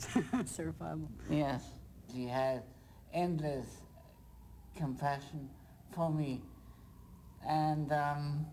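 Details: Dysarthria from progressive supranuclear palsy in an adult male, symptoms beginning 1994 and diagnosed about four years later; progressive, incurable course with slurring of speech.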